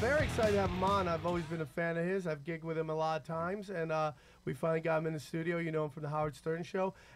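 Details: Adult male speaker; ordinary fluent speech.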